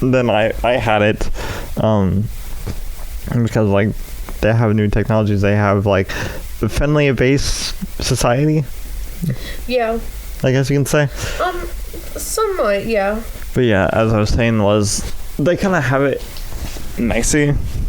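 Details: Adult male with cerebral palsy affecting the right side of his body, which he says causes his speech impediment; speech impairment due to cerebral palsy.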